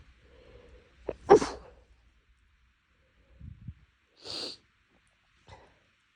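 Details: Several short, sharp nasal sneezes with snuffly breaths between them in a quiet room, after a nose tickle from something inhaled and a nose bothered for a couple of days; a sneezing fit.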